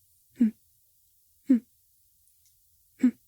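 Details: Man with Tourette syndrome imitating a repetitive vocal tic he used to make in the past; vocal tic (Tourette syndrome), imitated.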